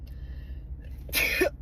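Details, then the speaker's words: Sun-triggered sneeze from a person who sneezes when looking at the sun: low room hum, then one sharp, hissing burst of air near the end. "Literally, I can count on anytime I'm looking at the sun, I'm sneezing, as well with my son."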